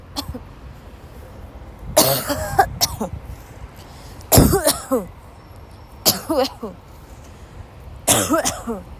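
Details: A sick young woman who woke up ill has a violent dry coughing fit in class, unable to stop: repeated harsh cough bursts in clusters with gasping breaths between them.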